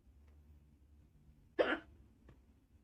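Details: A single sharp, abrupt hiccup from a person doing makeup in a quiet-room ASMR recording; an isolated hiccup.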